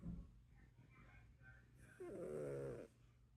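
A soft, faint breath sound, then one short, humming, nasal snore in a quiet room. Light snoring.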